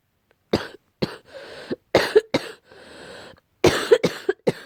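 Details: Barking cough attributed to cat allergy.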